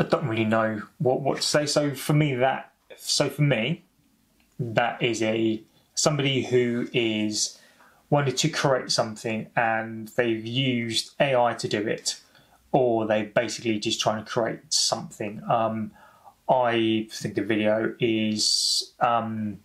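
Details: Adult man who has stammered for over 30 years, speaking spontaneously: stuttering.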